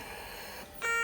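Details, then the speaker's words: Soft hiss of escaping air, then a steady electronic alarm tone: an Avea ventilator alarm after the patient circuit pops off and disconnects. "Again, this vent can pop off here, and you'll hear that."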